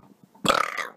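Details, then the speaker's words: Male YouTuber in a burping compilation: a single loud, rough burp after a quiet moment; ordinary belching of swallowed air, burp (eructation). "hopefully you guys can relate to it as well sorry I burped kind of thing"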